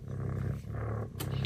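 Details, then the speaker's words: A chubby female cat purring or snoring loudly while carried to a New Year bath gives a steady, low, continuous rumble. Cat purring. "还打呼噜啊！看这个呼噜声，你看到没有？完了！这个鼾声真的好大哟！"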